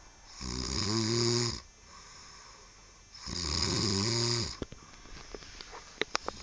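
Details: Snoring during sleep: two long, loud, buzzing snores with a hissy airflow edge, about 20 a minute, followed by a few clicks; steady snoring.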